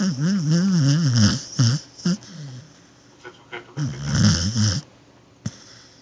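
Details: Pet dog named Luchito snoring while asleep, loud low rattling snores with wavering pitch alternating with quieter breathing and soft snorts.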